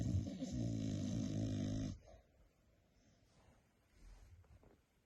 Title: Little Kylo snoring and dreaming time , so funny 🤭